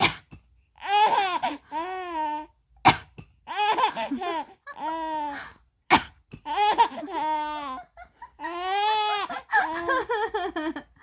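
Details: Three short, deliberate adult coughs from a mother, each followed by bursts of high-pitched infant laughter and squeals.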